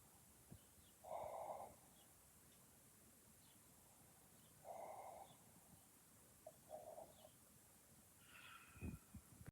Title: This is how my boyfriend snores